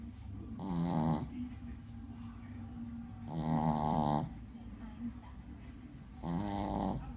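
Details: Soft, buzzing snores from a sleeping Shih Tzu puppy, about 22 a minute; snoring.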